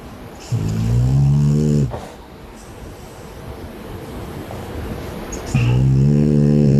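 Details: Snoring of a man and a French bulldog compared: loud, deep rattling snores, about two seconds each, on the in-breath with quiet gaps between; heavy snoring.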